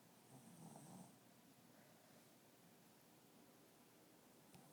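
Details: Soft, low, rumbling snore from a dog sleeping in the morning, fading into quiet breathing with faint room noise; snoring.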